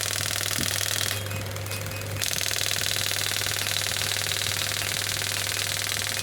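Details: Biotronix pneumatic radial extracorporeal shockwave therapy (ESWT) unit, 0.5–10 bar, touch-screen clinical model, firing: rapid, regular mechanical tapping about four pulses a second over a steady hum.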